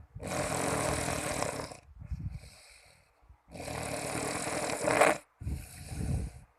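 Two long, harsh, rattling breaths, each followed by a quieter rumbling breath out; loud snoring.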